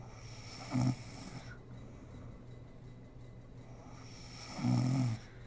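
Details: Snoring from a sleeping mother: two low, rattling inspiratory snores about four seconds apart, with quiet breathing between them.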